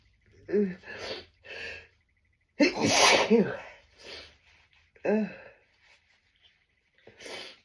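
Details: Adult, very sneezy from tree pollen, desperately stifling strong sneezes: voiced gasping lead-ins, then about four forceful sneezes partly stifled into strained bursts, separated by quiet pauses.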